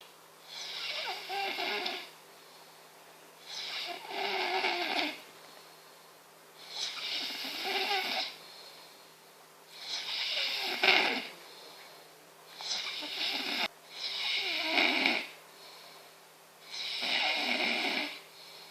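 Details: Snoring: loud, rasping snores with a whistling edge, about seven breaths in nineteen seconds, each a long noisy inhalation with quieter pauses between.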